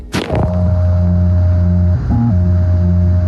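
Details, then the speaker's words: Phone held to the chest of a young man with a left ventricular assist device (LVAD), fitted after heart failure in his early twenties; continuous mechanical electronic hum with steady tones and no heartbeat thumps, LVAD pump hum. "like he's got a fax machine in there that's like iron man dantrell has an lvad that's a left ventricular assist device"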